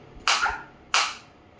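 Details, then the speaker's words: Two sharp, loud clicking pops about two-thirds of a second apart, shockwave pulses from a focused (not radial) shockwave physiotherapy applicator held against the hand at energy level about 11, just before the frequency is raised. "Uh now I will increase the frequency 120 in the multiple of 30 it will increase. You can feel the difference. You can feel the difference in the sound also."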